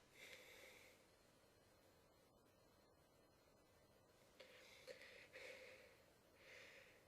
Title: Some more sneezing